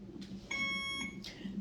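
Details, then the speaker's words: Single clear electronic alarm beep from a bedside monitoring machine in a quiet labor and delivery triage room, 38 weeks pregnant, patient nauseated and vomiting; earlier beeping was from a low battery. "The first time it was beeping for like literally 10 minutes because the battery was low and she had to plug it in."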